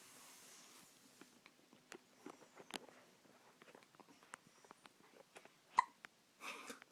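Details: Hiccups: quiet, sharp little clicks and gulps repeating through a quiet room.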